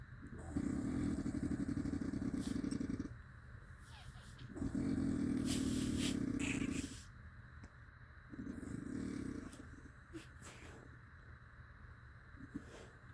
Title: 5 minits of strate snoring sounding like a dirtbike